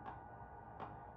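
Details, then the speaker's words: Simulation of hearing through Linner Nova earbuds (hearing-aid-style amplification): two brief clunks of a box opening and closing sound spread-out and annoying over a muffled hum with a thin, radio-like, distorted quality. "Mais avec le Linner Écouteurs Nova, le bruit devient plus répandu et c’est gênant, par exemple quand les objets sont déplacés ou placés sur une table."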